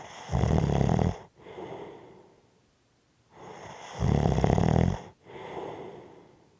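Two loud, rumbling snores on breathing in, each followed by a softer, heavy breath out, about every four seconds; snoring during sleep.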